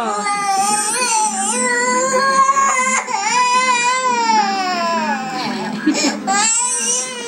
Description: crying for watever reason..hehe!